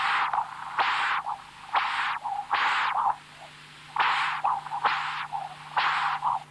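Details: Rhythmic high-pitched Doppler whooshes from a tricuspid regurgitation jet (1.8 m/s) on continuous wave Doppler from the apical position, softer than typical mitral or aortic jets; patient has congenital severe tricuspid stenosis with markedly enlarged right atrium.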